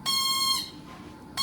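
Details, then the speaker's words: Low-pressure alarm on a ProNox nitrous oxide delivery unit, set off by shutting off the nitrous oxide tank and taking breaths; the alarm is oxygen-driven and continues until the problem is fixed. Shrill, repeating high-pitched whistling tone. "Now, because the oxygen runs the alarm, that alarm is not going to stop until you fix the problem."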